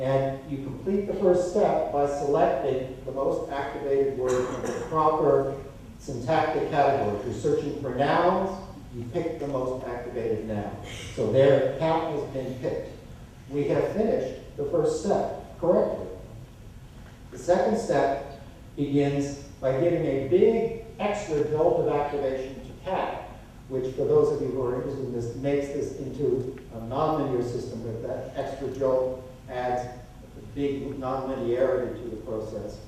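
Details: Adult male speaker; normal speech.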